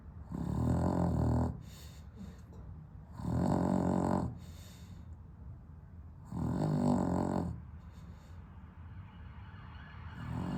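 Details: Dog with sleep apnea, somewhat improved on heart medication, sleeping on a hot 32°C day without air conditioning: loud, low, rattling snores about every three seconds, roughly twenty a minute, with quieter breathing between.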